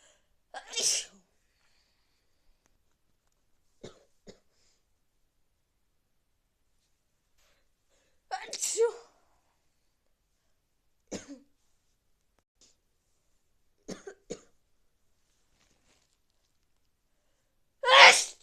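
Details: Three loud sneezes with quieter sniffs and breaths between them, from someone sneezing with a cold.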